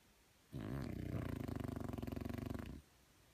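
A single long, rattling, fluttering snore from a small flat-faced dog in a quiet room.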